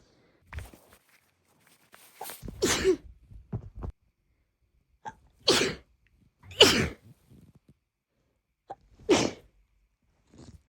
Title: failed stifles lead to let out sneezes